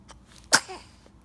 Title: Baby sneeze